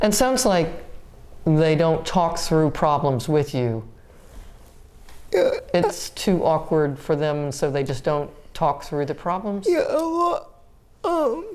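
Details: Adult woman speaking; Typical speech.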